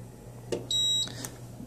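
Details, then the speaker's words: Allied Healthcare AHP300 transport ventilator in programming mode: short clicks and a clear electronic confirmation beep as new Quick Start/Custom mode settings are saved, in a quiet room. "when I hear a double beep I can let go and you'll see it's flashing fast"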